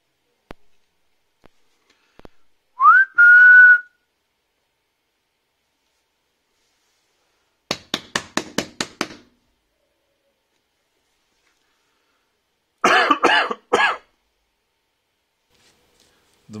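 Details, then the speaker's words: Brief whistling and a run of sharp taps, then a cluster of about four quick coughs, used as live test audio for a cough detection model running on a microcontroller sensor board. "we are expecting that our model is able to filter the background sounds and create a prediction for the coughing audio states"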